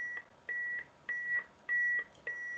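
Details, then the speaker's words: AED in a first-responder training demo with adult/neonate pads: regular high-pitched beeps, about two per second, in a small room after the voice prompt "shock delivered", cueing the start of CPR. "Mira vamos a conectarlo y vamos a escuchar Cómo suena analizando el ritmo cardíaco no toque al paciente se aconseja hacer el choque recargandose no se acerque al paciente administre el choque ahora presione el botón naranja ahora choque administrado"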